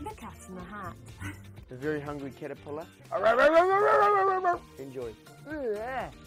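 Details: Speaker who states he has Tourette's, reading a children's book aloud with interjections; vocal tics (Tourette syndrome).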